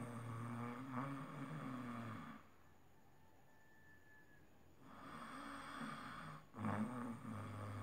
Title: loud📣 snoring while sleeping